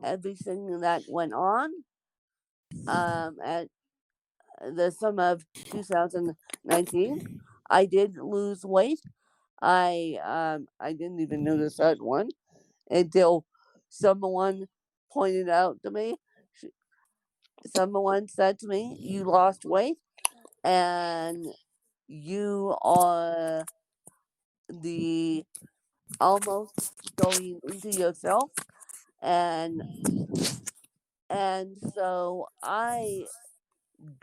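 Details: Adult woman born with cerebral palsy; dysarthria (cerebral palsy).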